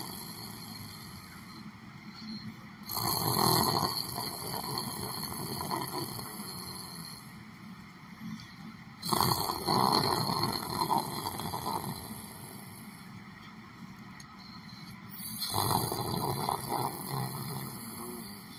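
Three long, harsh, rasping snores about six seconds apart, roughly ten breaths a minute, over steady room hum; snoring while asleep sitting up.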